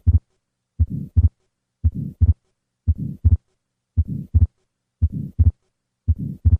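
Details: Atrial septal defect: systolic flow murmur with fixed split S2.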